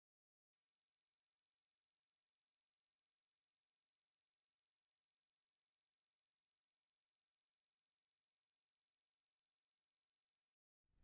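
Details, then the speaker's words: Headphone hearing test, 8,000 Hz tone played in the right ear: a steady, very high-pitched pure tone lasting about ten seconds, following a 6,000 Hz tone. "okay guys so first tone 6,000 Hertz okay so let's go now to 8,000 Hertz"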